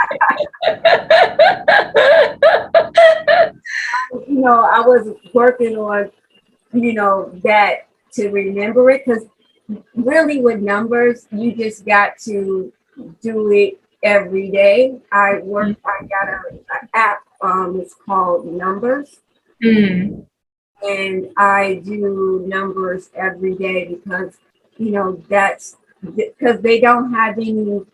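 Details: Aphasia in a 43-year-old woman after a stroke in 2020 that left her unable to talk; she has had several speech therapists and still takes her time when talking. Finding: aphasia.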